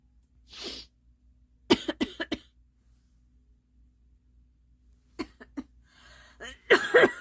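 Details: Repeated dry coughing in a girl: a breath in, then short bursts of dry coughs in clusters of three to four, ending with a harsher cough.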